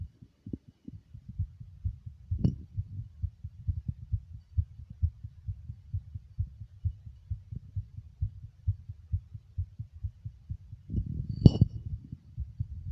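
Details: Man's heartbeat recorded while smoking: soft, quick thumps with occasional louder knocks and rustling.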